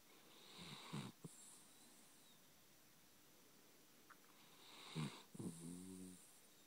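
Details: Chiweenie (small dog) snoring in sleep: two soft snorting snore bursts with a whistling, wheezy edge, separated by quiet breathing.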